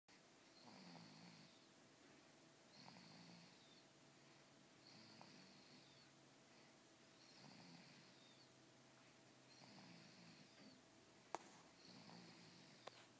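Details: Sleeping individual snoring softly and regularly, about every two and a half seconds (roughly 24 breaths a minute), with faint clicks over hiss; the snore is described as sounding "like a pig."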